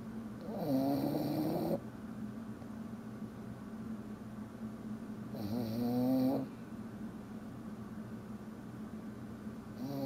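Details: A tired dog snoring: two long, rough, rattling breaths about five seconds apart against quiet room noise.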